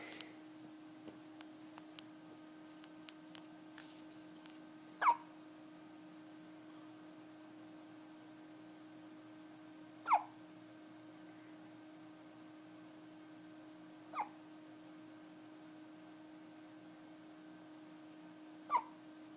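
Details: Four sharp, brief hiccups spaced roughly four to five seconds apart in a quiet room with a steady hum, at 3 a.m. after a meal; hiccups.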